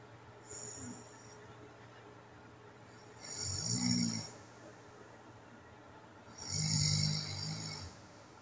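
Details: Overnight home recording of an adult with sleep apnea: loud, rough snores about 20 a minute separated by quiet gaps; snoring with sleep apnea.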